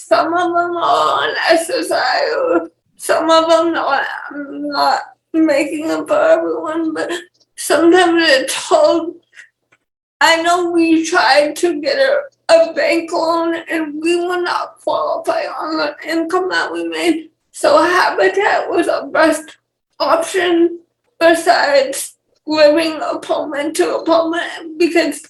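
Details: Dysarthria in a 28-year-old woman with cerebral palsy and speech issues.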